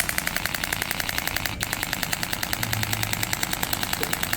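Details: Rapid, regular sharp ticking pulses, about 150 a minute, from a radial shockwave therapy device held perpendicular and moved along thigh muscles, such as for iliotibial band syndrome, during a treatment demonstration.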